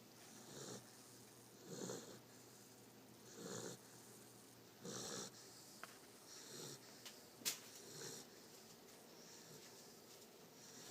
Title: "Blu" the snoring puppy!